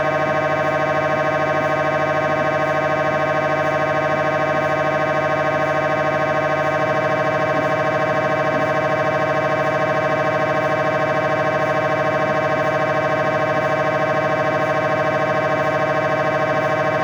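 Loud, steady, rapidly repeating electronic buzzing with a fixed pitch, typical of an MRI scanner during a scan.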